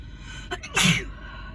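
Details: Sneezing during a winter cold with intense, nonstop sneezes: a short inward gasp followed by one sharp, hissing explosive burst.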